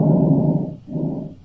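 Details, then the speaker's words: Simulated lung auscultation on an interactive virtual patient simulator, stethoscope placed near the lungs: soft, low whooshing breath sounds, one breath in and out. "so when you want to press breathing you can do auscultation of the lungs so you just press where you want to listen and you can hear him breathe"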